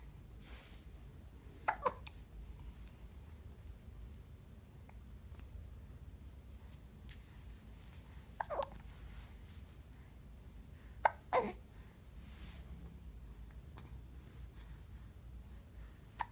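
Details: Three short, abrupt catches of breath several seconds apart against faint room noise. Hiccups.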